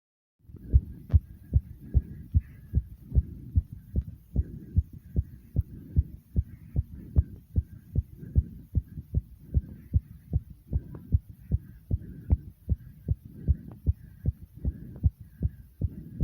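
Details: Fast, regular low heart thumps, roughly 150 a minute, after 55 jumping jacks: rapid heartbeat after exercise.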